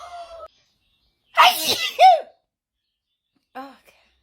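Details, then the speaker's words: Sneezing fit that the person thinks was triggered by feeling cold: a loud explosive sneeze with a sharp in-breath and a voiced burst, between brief vocal sounds. "I think what's triggered off my sneezing today is I'm a bit cold. That sometimes triggers it. How crazy is that?"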